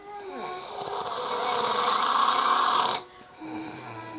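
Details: Snoring from a friend recorded asleep at night: a single long, loud, rasping breath with a vibrating quality, then a quieter breath.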